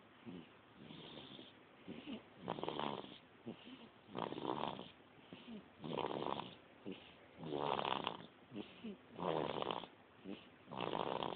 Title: My 2 month old snoring lol!